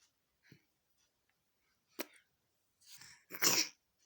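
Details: A young child gives a pretend, voluntary cough on request: a short click, then two breathy, hissing bursts.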